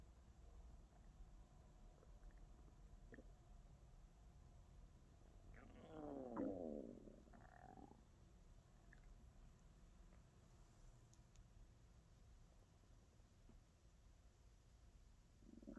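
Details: A single soft gurgling growl midway through a quiet recording with a steady low background hiss, recorded for ASMR; stomach growling from a hungry stomach (borborygmi).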